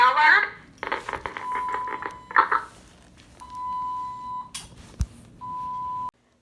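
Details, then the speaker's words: Hospital inpatient's IV infusion pump alarm sounding because the IV bag is empty: steady high-pitched electronic tones with brief clicks and muffled room noise. "so i'm thinking okay it's done squash whatever my iv goes off because my bag is empty"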